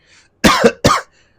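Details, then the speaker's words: An adult coughs twice, harsh and explosive, close together in a quiet room, while smoking cannabis flower. "as you can hear I'm coughing up a storm it's definitely some potent flour with some great flavor"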